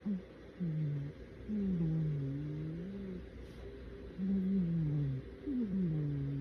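Low, tonal, rumbling snores come in repeated breath-long bursts, about four in a few seconds, with quiet room noise between: a cat snoring.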